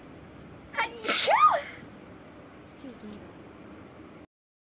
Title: girls sneezing rapidly. #14.|| rapid sneeze.